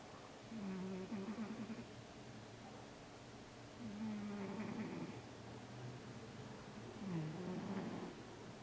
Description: Cute Siamese Cat Snoring & Moving In His Sleep!